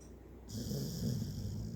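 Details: Single low, rattling snore on an indrawn breath, rising over about a second; snoring.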